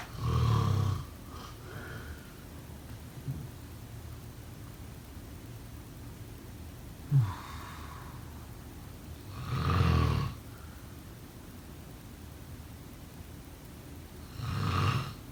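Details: Snoring during sleep: low, rough snores at intervals of several seconds over quiet room noise.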